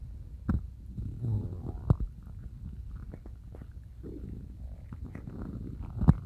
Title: Stomach growling woke me up 😵‍💫